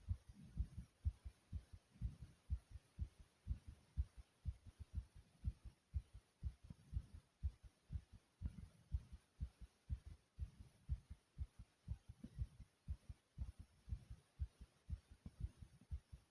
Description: In this video my heart is really beating fast like, comment,subscribe, and enjoy